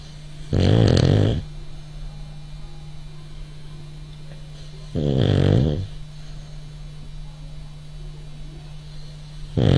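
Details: French Bulldog asleep: deep, rumbling, slow and uneven snores at about 14 per minute over a steady low room hum; snoring.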